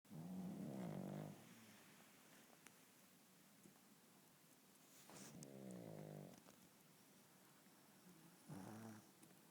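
Three loud, rattling snores with a fluttering, vibrating quality, separated by quiet pauses; snoring in a sleeping pug.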